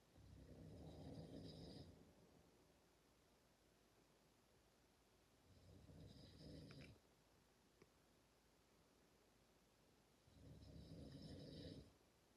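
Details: Two sleepers, one of them a dad, give soft, rough snores repeating about every five seconds; ordinary snoring.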